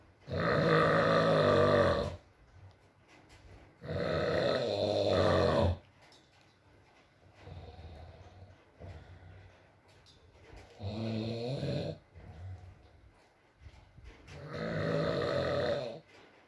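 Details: ASMR recording of a sleeping man (boyfriend) snoring, with rain in the background: deep, groaning snores of about two seconds each, about four in sixteen seconds, with quiet breathing between; snoring.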